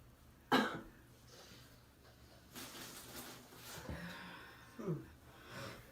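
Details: An acted cough: a single sharp cough followed by breathy room noise, then a second, softer burst near the end.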